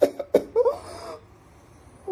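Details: Cough.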